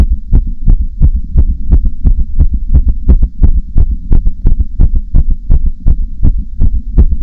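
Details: Heartbeat: loud, regular paired thumps at about 170 beats per minute, a fast heart rate.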